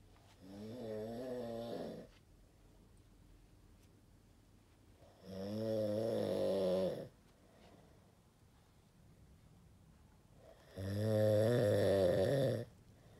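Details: Sleeping person who claims never to snore gives three loud, rattling snores on the in-breath, about 5 seconds apart (roughly 11 breaths a minute), quiet between them, like a beast growling in a den; snoring.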